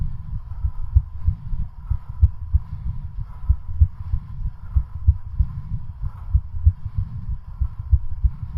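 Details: Rapid, regular low heart thumps in quick succession with a faint steady hum, recorded during a home bicycle cardiac stress test ridden until exhaustion; exercise-induced tachycardia.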